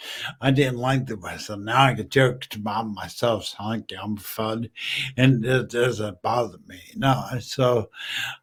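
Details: Male stroke survivor 14 years after a stroke from a brain aneurysm, totally mute at first, who uses slowing down and over-articulating as strategies; post-stroke dysarthria.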